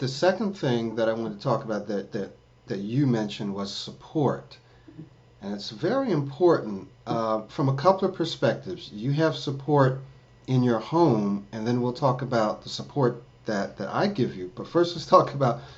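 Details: Adult man; typical speech.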